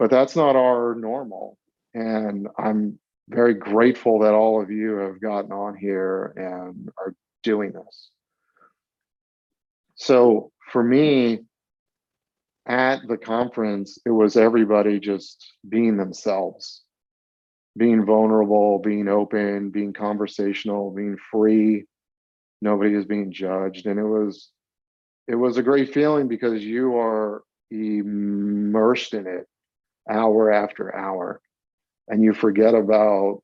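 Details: Stuttering in a 42-year-old man, with onset around age eight.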